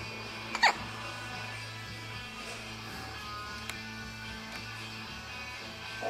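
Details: One sharp, abrupt hiccup early on and a possible faint second one later, over steady background music and room hum: hiccups (singultus).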